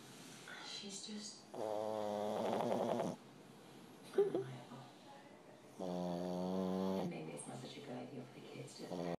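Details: Sleeping individual snoring extra loud; two long, loud, buzzing snores with quieter breathing between: heavy snoring.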